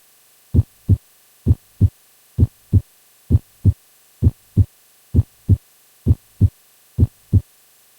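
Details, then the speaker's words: Teaching recording of regular paired lub-dub heart sounds at about 65 beats per minute, possibly simulated: normal S1 (mitral and tricuspid closure) and S2, with systole between them. "The S1 heart sound is usually described as sounding like the word love and the S2 heart sound dub. Let's put the heart sounds in so you can appreciate this better."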